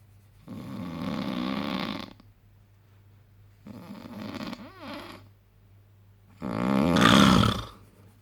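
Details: Dad snoring after fishing: three loud, rattling snores about every three seconds, roughly 20 breaths a minute, with a low steady hum in the room; ordinary snoring.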